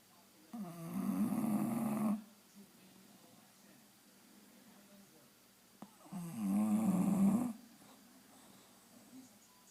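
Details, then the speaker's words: Bulldog making loud rumbling snores while apparently awake: two long snores of about 1.5 seconds each, separated by a quiet pause in a quiet room. "Cena. Cena. Why are you snoring? You're awake. Cena."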